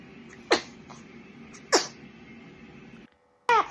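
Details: Newborn baby girl in a quiet room: three small, sharp bursts consistent with baby sneezes; sneezing.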